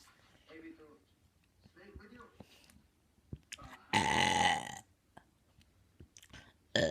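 Quiet murmuring, then one loud, drawn-out, rumbling belch lasting about a second. A burp.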